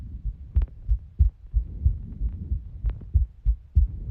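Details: A person's own heart, very clearly recorded: low lub-dub pairs, roughly 90 beats a minute, in a steady rhythm; normal heart sounds.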